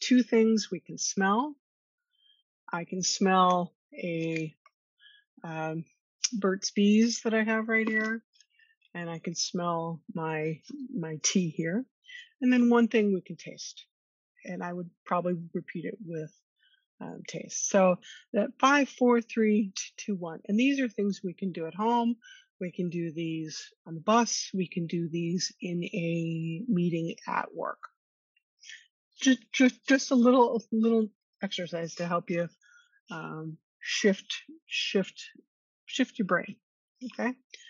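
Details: Stuttering in an adult woman who has stuttered since childhood, attended speech therapy growing up, and discloses her stuttering in job interviews; she co-hosts a webinar on workplace stress and anxiety for people who stutter.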